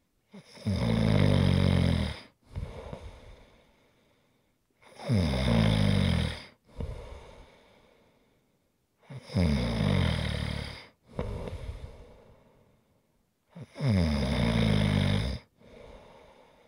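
Regular loud snores: a buzzing inhaled snore, then a softer breathy exhale, about four cycles in sixteen seconds.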